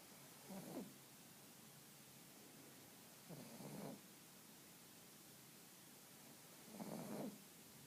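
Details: Sleeping pug snoring: soft rhythmic snorts on each breath, about 18 a minute, in a quiet room, before being woken for a walk.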